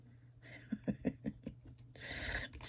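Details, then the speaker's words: Sleeping cat heard in a quiet room: a run of soft, rhythmic snorting breath sounds; ordinary snoring. "Right, just making sure. Can you hear my cat snoring?"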